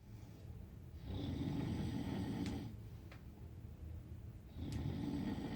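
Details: Snoring during sleep: slow, rough, rattling sounds on each breath in, with quieter breaths out between them.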